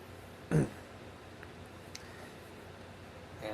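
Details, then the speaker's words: A cat gives a single short, forceful hacking cough burst, then quiet room noise; the owner says he coughs regularly and is fine. "that that sound is my cat trying to get a cough out or something he's fine he has it regularly so don't mind that"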